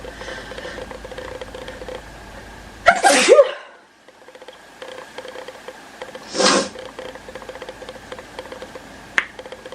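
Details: Adult woman sneezing before vlogging: two sneezes, one loud and explosive with sharp onset, second softer, over steady room hum.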